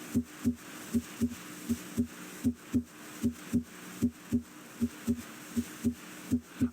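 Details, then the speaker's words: Teaching example of normal heart sounds: steady lub-dub at about 78 beats a minute; S1 from mitral (and tricuspid) valve closure, S2 from aortic (and pulmonic) closure; normal S1 and S2. "closure of the heart valves creates a pair of audible heart sounds the first sound S1 arises from closure of the mitro valve F kuspit valve closure may also contribute to"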